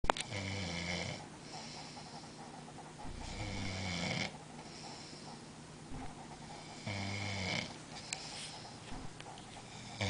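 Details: Three loud, rough, rattling snores on inhalation at about 18 breaths a minute, with quieter breathing between, from a sleeper after a long night of drinking: snoring.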